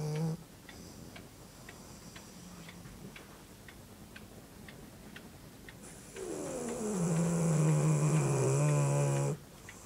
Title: How our dog snores